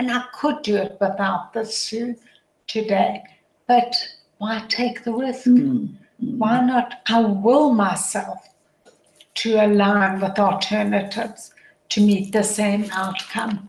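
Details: Adult woman with motor neuron disease, a progressive degenerative disease with function deteriorating daily, which she says can be heard in her voice; dysarthria (motor neuron disease).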